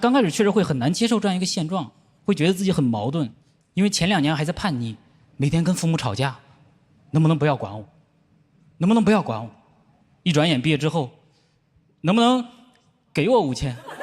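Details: Adult male comedian on stage; no speech disorder.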